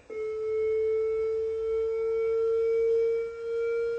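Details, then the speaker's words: Defibtech AED (automated external defibrillator) in a defibrillation training demonstration: after pads are placed on the bare chest and the shock is advised and charging, a steady, pure high tone is held for several seconds, signalling the shock is ready. "press flashing shock button shock one delivered it is safe to touch the patient begin CPR now"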